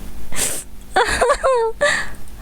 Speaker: Hi. Sorry, I had to sneeze. That sneeze removed the horror.